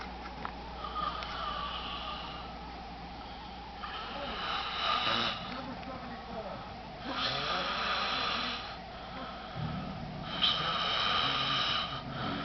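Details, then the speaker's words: Male friend asleep on Super Bowl night: rough, rattling snores on breaths about every three to four seconds, with faint room noise, described as weird; ordinary snoring. "so I'm watching this sorry ass Super Bowl game but it's this one annoying thing that keeps on getting on my nerves it's me snoring"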